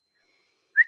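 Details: Vocal tic (whistle), one of her habitual tics, in an adult woman with Tourette syndrome who is not suppressing her tics.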